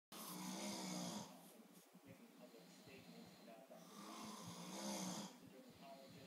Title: DAMN SNORING!!!!